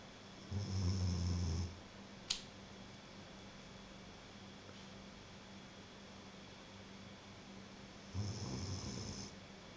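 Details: Snoring: two deep, rumbling snores about seven seconds apart, with quiet breathing and a steady room hum between them.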